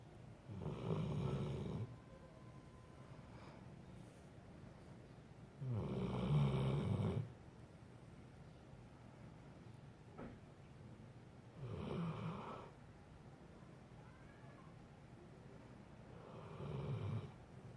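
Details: Snoring that sounds human-like: four rough, rumbling snores about five seconds apart, roughly 12 breaths a minute, with quiet room noise between them.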